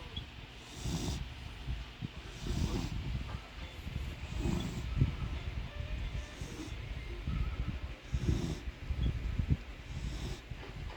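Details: Animal snoring: low rumbling snores about every 1.5 to 2 seconds, roughly 30 to 35 a minute, with steady low room noise between them.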